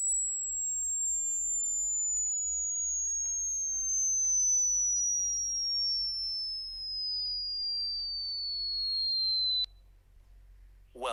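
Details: Self-administered hearing test played through headphones in a room: a steady pure tone gliding slowly downward from very high to high pitch, with the listener pausing when the sound is first heard.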